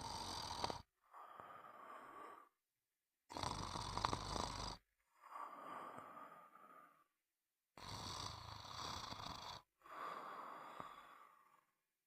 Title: Sound of snoring for a good night sleep